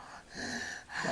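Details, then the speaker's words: Sleeping child snoring and mouth-breathing though not congested, with a pause in breathing during which earlier breaths moved no air into the lungs, then a sudden, harsh, noisy gasp in two quick pulls: a gasp ending an apnoea. "there it goes so that knows gasping for air the breaths they took beforehand he was actually not getting anything into his lungs"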